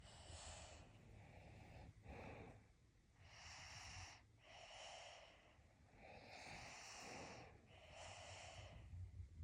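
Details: Snoring during sleep: noisy, snorting breaths, about four cycles over nine seconds, with rough inhaled bursts and a faint whistling edge.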